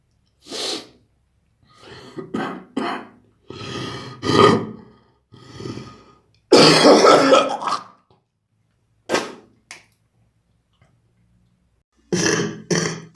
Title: wet cough compilation